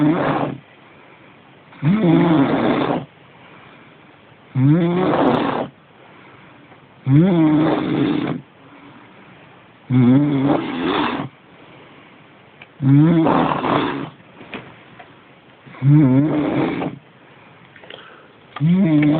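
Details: Woman heavily snoring in sleep: loud, regular, throaty snores about every 2.7 seconds, roughly 21 a minute, with quiet breaths between.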